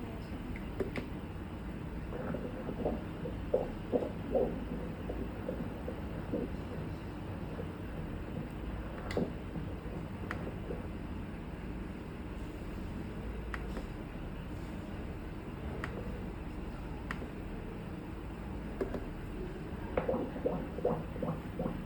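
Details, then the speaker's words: Fetal heartbeat on Doppler at 7 months of pregnancy, baby under 1 kg: rapid rhythmic whooshing pulses at roughly 145 beats a minute. "বাচ্চার heartbeat এটা, হ্যাঁ শুনছেন? ঠিক আছে।"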